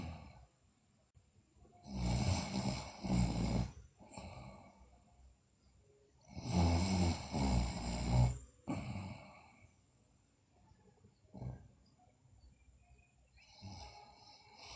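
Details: Sleeping girl, in a recording also showing bruxism and delirious sleep talk, makes loud, rough snoring breaths in irregular bursts, with quieter breaths and faint noises between: snoring.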